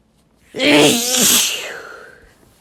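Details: A single loud, wet sneeze from an adult man, with a brief voiced build-up and a hissing release.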